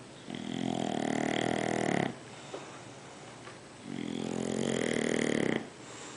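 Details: An acted snoring scene from a TV comedy: two long, loud, rattling snores with quiet pauses between them.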